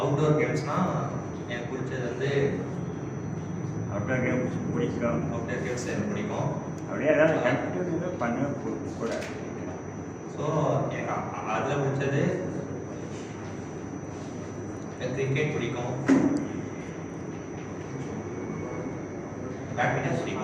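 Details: Male who stammers, practising the pausing technique in a speech therapy session, with some audible word repetitions; stuttering.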